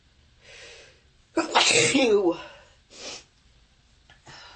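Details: Harsh sneezes during bronchitis that used up an entire hanky: a forceful, harsh, explosive sneeze followed by softer breaths.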